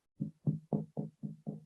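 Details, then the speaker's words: Chest percussion in a blunt chest trauma teaching context: six evenly spaced, low, hollow thuds giving a resonant note over a full, expanded, air-filled lung. "That's resonant. I know my lung is full and expanded."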